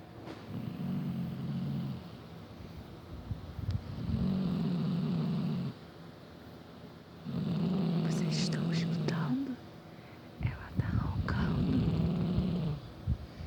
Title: Minha mae roncando